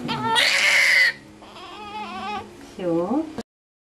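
Loud, high-pitched crying in short bursts from a baby a few minutes old; an ordinary newborn cry.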